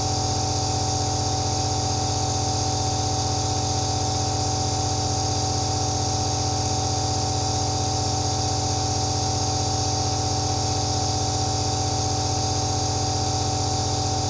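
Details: Steady mechanical hum of a nebulizer (aerosol) compressor running, recorded from a first-person perspective as a relaxing sound: nebulizer compressor running.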